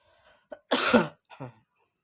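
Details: One loud, harsh cough with a short throat sound before it and a quieter catch after it, in a quiet room.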